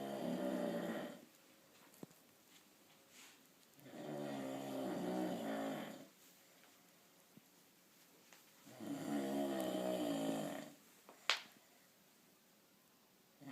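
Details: Someone sleeping at a beach house: three loud, rough, rattling in-breaths, roughly 13 a minute, separated by quiet pauses; typical snoring.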